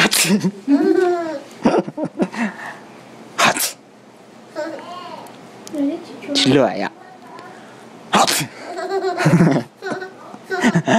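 A child sneezes several times in sharp, explosive bursts, with giggling and playful voice sounds in between, in a small room. Repeated ordinary sneezes.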